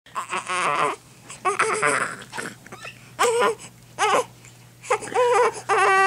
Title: crying